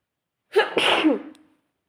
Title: sneezing fit spray read descripción